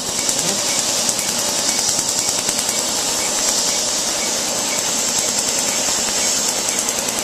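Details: Loud continuous hiss with rapid snapping pulses, about three per second, from a tattoo removal laser firing steadily on a tattoo.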